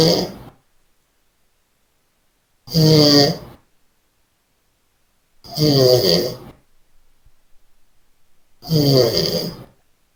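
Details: Loud rattling snores on each breath in during sleep, about 20 a minute and fairly regular; snoring.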